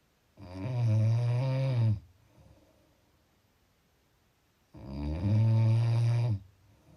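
Two loud, deep, rattling snores on breathing in, about four seconds apart, with quiet pauses between: snoring.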